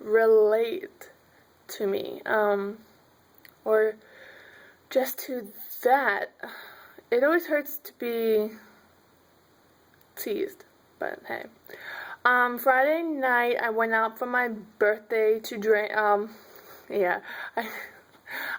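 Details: Adult woman who stutters and says m and b sounds are hard for her; stuttering.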